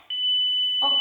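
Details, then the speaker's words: In-hospital defibrillation training with adult pads: a steady high-pitched AED tone signals a charged shock, with the start of the prompt "shock advised, don't touch patient, press flashing shock button." "shock advised don't touch patients press flashing shock button"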